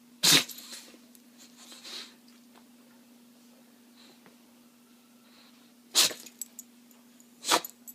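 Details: Bulldog named Rosie sneezing three times, short sharp snorting bursts with quiet sniffing between, over a low electrical hum; repeated natural dog sneezes.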